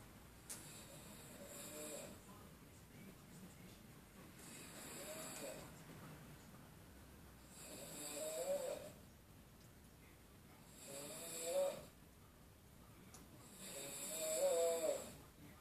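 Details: Very loud snorer: rattling snores on each in-breath, about five in fifteen seconds, building in strength; snoring.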